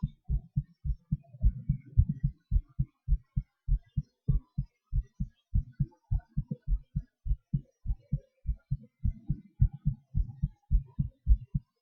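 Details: Self-recorded own heartbeat during breath-holds and panting (hyperventilation): regular low thumping about 100 beats a minute, rate speeding and slowing over the recording; normal heart sounds with rate changes.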